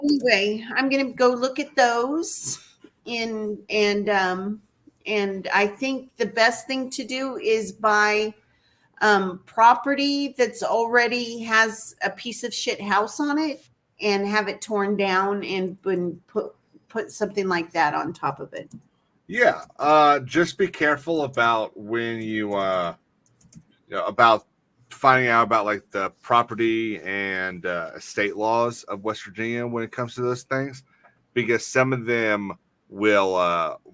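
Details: Adult male who says he has a speech impediment, a stutter, and formerly avoided talking out of fear; stuttering.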